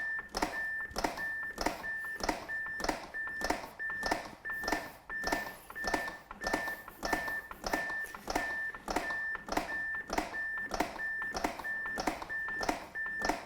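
Steady electronic beeps, about 100 a minute, with rhythmic thuds of chest compressions; a training AED's metronome pacing CPR after a shock.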